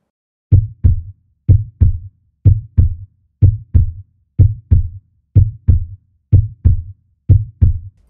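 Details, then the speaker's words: Regular paired low thumps at about 62 beats a minute, heard by stethoscope: first sound from mitral valve closure and second from aortic and pulmonary valve closure; normal heart sounds. "音が聞こえたと思うんですけれども心臓の大きな音っていうのはだいたい2つありますまあ心臓の弁がしまる部分で特殊な名前ですけども1話目でちょっとお話したと思うんですけど僧帽弁という便が閉じる音とあとは大動脈弁とか肺動脈弁が閉まる音それで2つの構成になっています"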